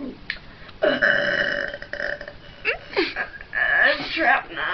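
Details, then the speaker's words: Long, loud, drawn-out belches with gurgling throat resonance, described as air that "got trapped"; burping. "That was disgusting! I had more. That was the biggest one of all. What happened? It got trapped."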